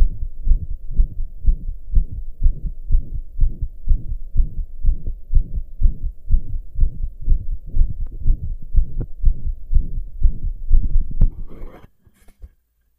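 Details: Strong, regular heartbeat with a whooshing murmur between beats, recorded lying down after the heart had finally calmed from pounding hard for hours; loud heart murmur.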